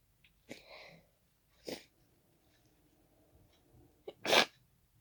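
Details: Hay fever sneezing fit triggered by pollen: three fast, congested, messy sneezes into tissues, each with a quick indrawn breath before a sharp burst, the last loudest.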